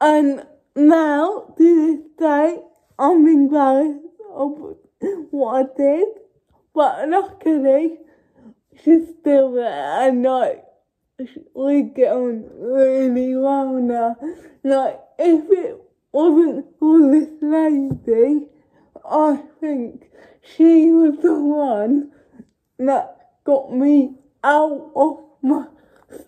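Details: Adult woman with cerebral palsy talking to camera, garbled and hard to understand: dysarthria (cerebral palsy).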